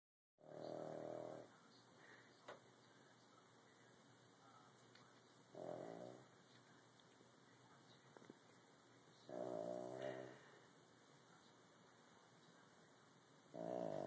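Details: Snoring: four rough, buzzing snores on the in-breath, about 17 breaths per minute, with quiet pauses between them.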